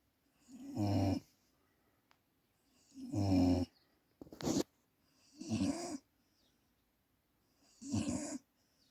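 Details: Sleeping pet snoring on its birthday: regular rumbling snores, about five in nine seconds, with quiet pauses between; ordinary snoring.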